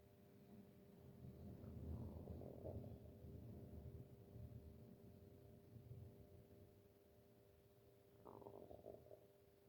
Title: stomach growling